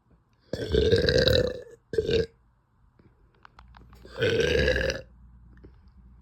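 Three loud, drawn-out throaty burps in a quiet room, the last after a short pause. Belching.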